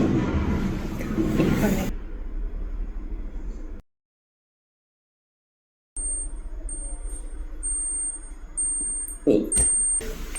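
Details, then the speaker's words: Run of short high beeps from a digital thermometer placed in the armpit during a vital-signs demonstration, signalling the reading is ready; axillary temperature 36.7 °C, within normal range. "Como pueden observar, estamos oyendo el pitido, y para ello vamos a retirar, le decimos que eleve el brazo un poco y tenemos la lectura."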